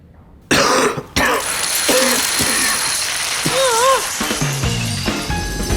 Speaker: chesty cough ruining the moment